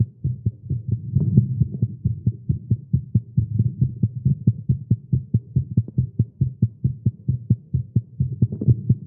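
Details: Male heartbeat after exercise with caffeine: rapid, steady, low thumping at about 136 beats a minute; fast heartbeat.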